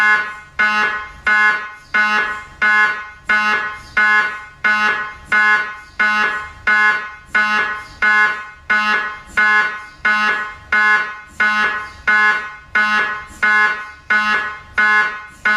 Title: "mri sounds" 2021